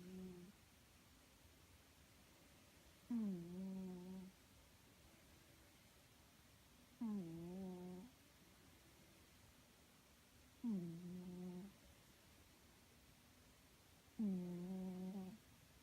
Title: My cat snoring